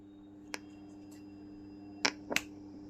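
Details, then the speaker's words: Sharp mechanical clicks as the probe plug of a Dr. Odin OD102 fetal Doppler is pushed fully into its locking socket, after which display and speaker output start. "जैसे ही cut की आवाज आई अब यहां से ये display भी आना शुरू होगा और और स्पीकर एरिया से वॉल्यूम आना भी शुरू हो जाएगा"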